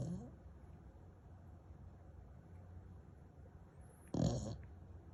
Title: snoring bullmastiff puppy